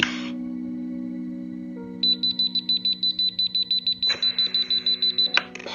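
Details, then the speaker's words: EZ-Breathe veterinary ventilator on a test lung, not a patient: rapid regular high-pitched overpressure alarm beeping, about three per second, over music, set off by deliberately blocking the scavenger, its usual cause; it stops once pressure falls. "this can occur for a number of reasons usually however it occurs because the scavenger has somehow been blocked"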